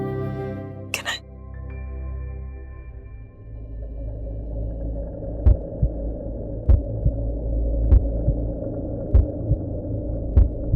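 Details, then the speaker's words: Dramatized fetal heartbeat from a monitor in a TV drama scene: regular soft whooshing thumps, about 49 a minute, over background music. "हां ना ये तुम्हारी baby की दिल की धड़कन है"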